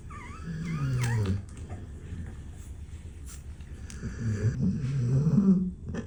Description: At just five days old, little Dash has already found his favorite resting place — curled up on Kaia’s neck, drifting off to the rhythm of her gentle snores. 💛